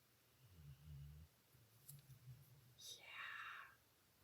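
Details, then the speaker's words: Two soft, low rumbling snores and a brief higher squeak from a dog exhausted after a rough day, sleeping on a heated bed beside the owner in a quiet room: snoring. "okay where were we hearts on the inside three of them can you hear that dog snoring"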